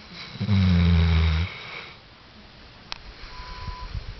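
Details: One loud, low rattling snore lasting about a second, likened to a freight train, then quiet breathing with faint room noise; snoring.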